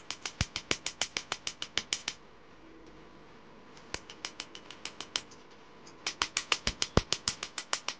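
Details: Rapid sharp snapping clicks, about three per second, in bursts with short pauses: laser pulses during the first laser removal session of a Mahadev name tattoo.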